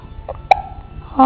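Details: A single abrupt, short voiced gulp with a faint catch before it, then speech, from a baby being encouraged to hold his head up and roll over; repeated hiccup episode; hiccups.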